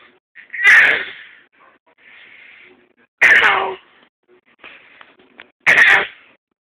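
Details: Six-month-old baby girl fake-coughing to stay awake: three short, deliberate cough-like bursts with quiet babbling between them; a playful voluntary cough.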